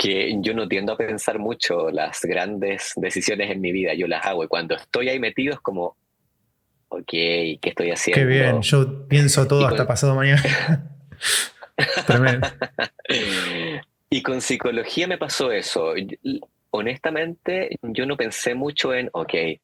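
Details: Adult man who has lived with stuttering since growing up; stuttering.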